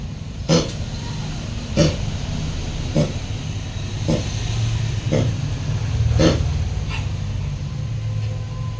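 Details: Repeated dog cough: six short, harsh coughing bursts over about nine seconds with low rumbling background.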